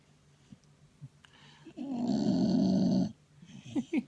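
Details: Adult woman (wife) snoring: one loud, rough, rattling snore on an in-breath lasting about a second, with quiet breathing and soft room noise around it.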